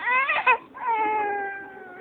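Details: A young child's loud, tonal crying in two drawn-out bursts after bumping the head and getting a bump (bukol); ordinary crying.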